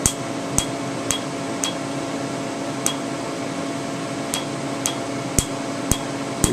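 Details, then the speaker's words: Sharp, somewhat uneven snapping clicks, roughly 110 a minute, over a steady hum: Candela TriVantage Q-switched 755 nm alexandrite laser, 2 mm spot, pulsing on a name tattoo after topical anesthetic. A little snap is good. "again this is 755 nanm [Music] Alexandrite little bit of snap is good"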